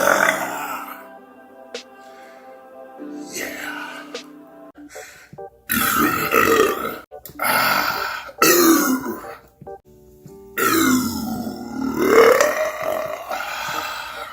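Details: Several long, loud, croaky burps in a row from a burp compilation, over background music.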